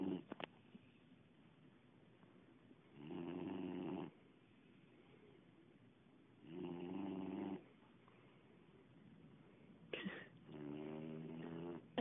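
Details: Sleeping Boxer dog snoring: three slow, rumbling, buzzy snores about every three to four seconds in a quiet room.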